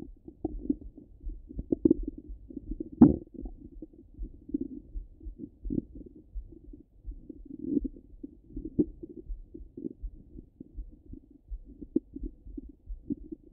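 Soft, frequent gurgles and low rumbles with one louder squelch, continuous irregular bowel sounds of ordinary stomach rumbling.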